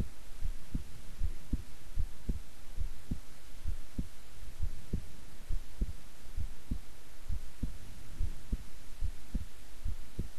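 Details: Own heart recorded at rest while keeping still for a long recording; steady, regular lub-dub at about 70 a minute over a low hum; normal, relaxed heart sounds.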